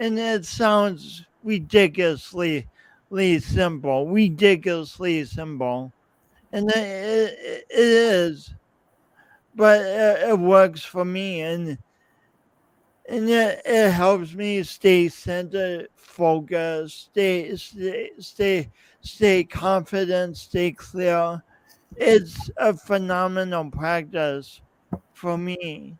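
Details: Man's real speech impediment with coordination differences, self-described; he says years of practice may have made him clearer but the differences persist; speech impediment (disfluent speech).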